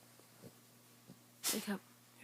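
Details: Soft breaths in a quiet room, then one sharp, explosive sneeze-like burst of air, followed by a brief snort.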